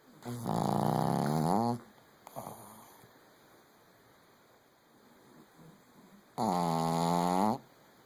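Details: Sleeping dog snoring: two long, drawn-out, tonal snores about five seconds apart, with quiet breathing and faint room hum between.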